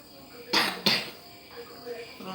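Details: Two quick, sharp coughs in a quiet room from a young child with cough and runny nose (pilek), without fever and possibly tired, heard during a massage.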